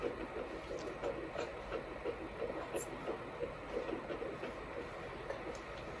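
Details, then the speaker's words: Fetal heartbeat on a first ultrasound at 9 weeks of pregnancy: rapid, regular whooshing pulses at about 175 per minute over machine hiss; the midwife said the rate would settle lower later. "is such an awesome sound that's your baby about 175 today"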